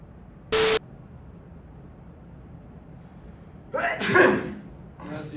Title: dad sneeze